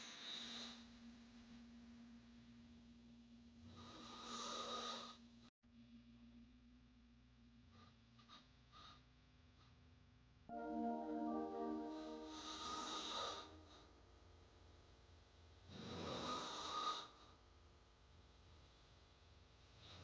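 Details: Snoring sound-effect recording: loud rattling inhaled snores with a buzzing tone, repeating every few seconds; heavy snoring.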